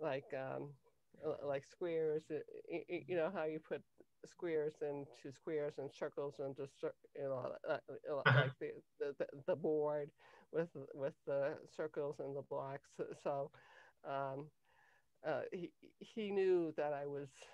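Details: Cluttering in an adult woman, onset in early childhood; language-area speech problem diagnosed at age 10, later identified as cluttering by her speech therapist; trouble organizing thoughts while speaking.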